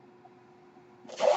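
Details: Mechanical ventilator in use by the speaker while he records a podcast: low steady room hum, then a sudden rising rush of air as the ventilator delivers a breath.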